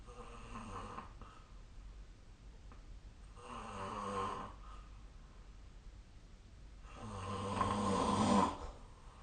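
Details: Faint, rough, fluttering snores on inspiration, about three breaths in nine seconds, recorded at night in a quiet room with the SnoreLab snoring app; snoring.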